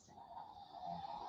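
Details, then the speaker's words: Soft, steady snoring rumble from Lilo, a tiny sleeping Boston terrier, in a quiet room during a live stream. "dude doodles you listen quiet you can hear it you can hear lilo snoring that is lilo's story that tiny little boston"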